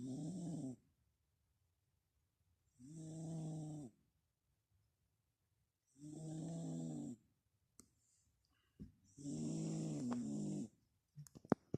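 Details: Sleeping pet snoring, lower-pitched than his usual high-pitched snore (owner suspects a blocked nose): slow, regular rattling snores, about one every three seconds, in a quiet room; snoring.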